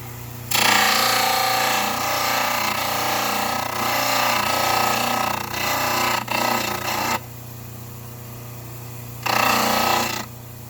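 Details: Dental model trimmer shaping the curved anterior of a mandibular plaster cast: loud, harsh grinding and hissing from the spinning wheel, cutting off and briefly restarting.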